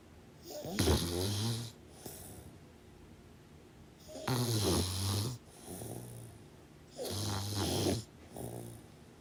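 Rattling snores, each followed by a softer second sound on the out-breath, about every three seconds; steady snoring in sleep.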